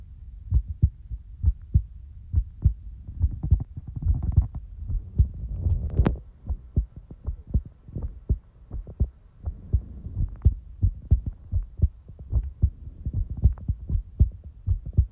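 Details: Real-time heartbeat ASMR recording: steady, paired, low heartbeat thumps at about 90 beats a minute with faint rustling; a normal heartbeat.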